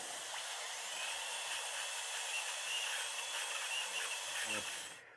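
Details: Dental drill's steady high-pitched whine for about five seconds, opening the pulp chamber roof during root canal treatment on tooth 18, which had been built up with IRM under a crown because of decay.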